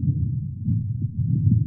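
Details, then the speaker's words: Virtual-reality womb simulation of fetal hearing, spatially filtered intrauterine sounds (mother's heart rhythm, body fluids, voice) mixed with external noise like traffic: muffled low rumbling with soft whooshing pulses; simulated maternal heartbeat. "developing hearing through implementing spatial audio with filtering volume and frequencies with both intrauterine and extrauterine sounds being played such as heart rhythms body fluids and voices of the mother all together with traffic and other extr interal noise from the surrounding environment"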